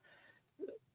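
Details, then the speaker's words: Dog (JoJo) snoring loudly; owner notes she snores even when awake. "Can you hear JoJo snoring? I sure can. Yeah, she's very loudly snoring."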